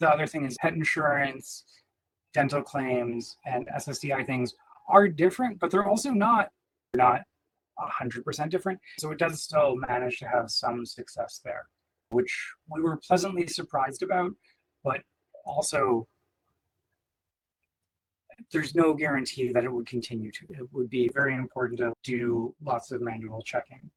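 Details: Adult man; typical speech.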